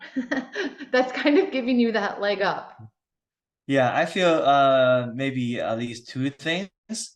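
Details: Adult male who stutters, interviewed by his speech therapist; stuttering.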